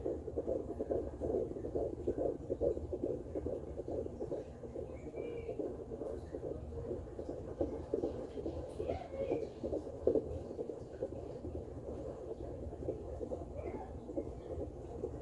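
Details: Home fetal Doppler at 15 weeks of pregnancy, probe low near the pubic area, device in mode 1: rapid, regular whooshing fetal heartbeat, about 140 to 145 a minute.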